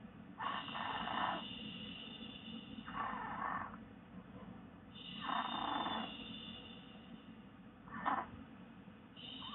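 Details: Snoring: rough, rattly breathing noises repeating roughly every two and a half seconds over a steady background hiss.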